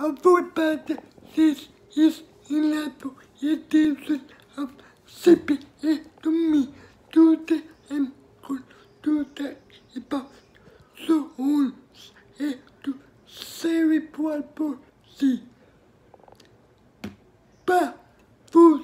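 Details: Adult speaker; dysarthria (cerebral palsy).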